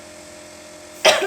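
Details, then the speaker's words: Single short cough burst after quiet room noise, acted in a COVID-19 cough-and-sneeze etiquette talk demonstrating coughing into the upper arm or elbow when no tissue is available; cough. "Hai yang ketiga jika tidak mengerti tidak ada tisu bisa menggunakan lengan atas atau siku untuk menutupi batuk dan bersin"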